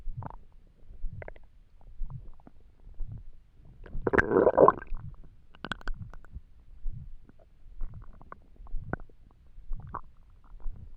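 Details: Low gurgling rumbles repeating about once a second, with a longer squelching gurgle midway, from an empty stomach while trying to sleep; stomach rumbling (borborygmi).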